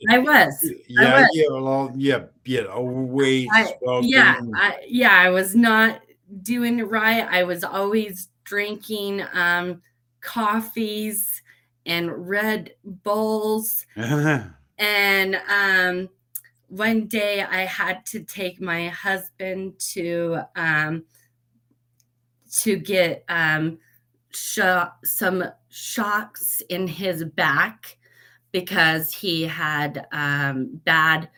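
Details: Post-stroke aphasia with word-finding difficulty in a woman who had a stroke at age 38; she practises daily, writing words she cannot get out on a board and Post-it notes, though she also says she does not have aphasia.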